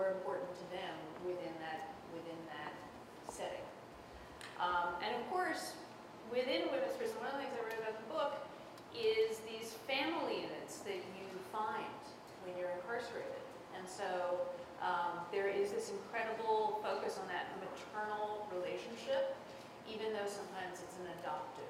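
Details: Adult woman speaking; Normal speech.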